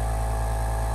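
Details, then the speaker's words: Maluk portable nebulizer CN69 compressor running, bought by a user with chronic lung issues; steady moderately loud low droning hum, not whisper quiet but conversation still possible. "Now let's talk about how loud the compressor is. It's actually not that loud, but it does make"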